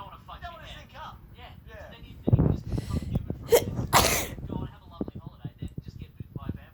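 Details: Constant sneezing with a cold: quiet talk in the background, then a run of two or three forceful sneezes in quick succession.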